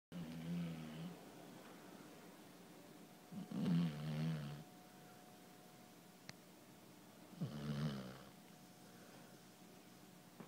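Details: Snoring hound: three deep, rumbling snores on the in-breath, about 16 per minute, with quiet pauses between them; ordinary snoring.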